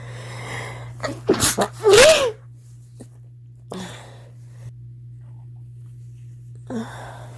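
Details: Person at the start of a cold, with a pounding head: a quick run of stifled sneezes with a gasping intake, then soft sniffs and exhales, over steady room hum.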